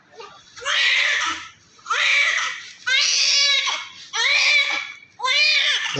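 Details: Newborn just delivered by LSCS (caesarean), born covered in vernix, blood clots and inhaled green fluid removed, then cleaned with baby oil: loud, strong rhythmic crying in second-long bursts with brief breaths, a vigorous newborn cry.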